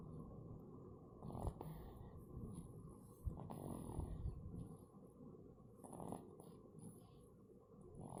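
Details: A person snoring in his sleep: low rumbling breaths with snorting bursts over a steady background hum.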